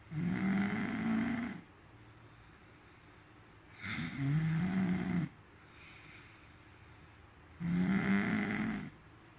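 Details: Three loud, rattling snores on the in-breath with quiet pauses between, about 17 breaths a minute; ordinary snoring that the person attributes to eating chocolates.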